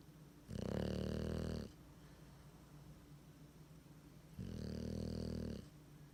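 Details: Two loud, buzzing snores about four seconds apart with quieter breathing between, from Willie, a sleeping bulldog whose tongue is hanging out; heavy snoring.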